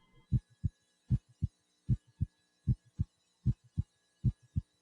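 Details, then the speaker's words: Stethoscope auscultation during a physical examination of the anterior chest, at the mitral area (fifth intercostal space, midclavicular line): regular lub-dub heartbeat about 77 per minute with a faint steady hum; normal heart sounds. "warm the stethoscope listen first in the aortic area the pulmonic area the third intercostal space left of the sternal border known as herbs point"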